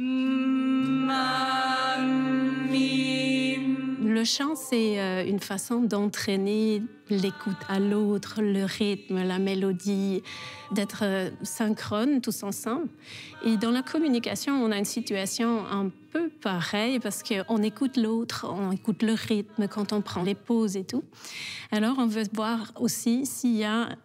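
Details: Adult speaker; Normal fluent speech.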